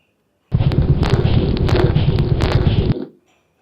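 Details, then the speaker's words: Dog's chest: dense, fine, soft crackling through a brief breath, likened to opening a Velcro strap; crackles. "Kos are different. They're much finer sounds, softer, and you can compare the the sound of crackles with the sound of a Velcro um strap. When you when you open it, you get a sound. That's what crackles sound like."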